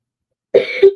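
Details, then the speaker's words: Adult woman with a lingering cough, sinus issues and voice loss, otherwise feeling fine; a single short voiced cough with a second quick burst. "I feel like physically I feel fine it's just this cough and like some sinus"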